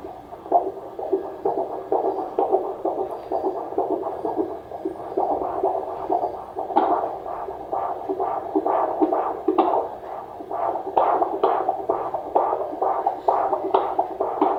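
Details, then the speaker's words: Fetal heartbeat at 36 weeks of pregnancy, heard by a midwife with a Doppler while the baby boy kicks: fast, regular, galloping pulses of about 130/min over whooshing noise. The heartbeat is strong and normal. "when she put the Doppler on he kept kicking her which she kept laughing at but yeah I will win her a clip of listening to his heartbeat here very strong"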